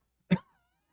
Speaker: So you'll hear me coughing every once in a while.